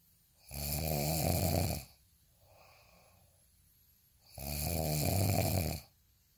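Two loud, rough, rumbling snores on breathing in, with a soft breath out between them; about 14 breaths a minute.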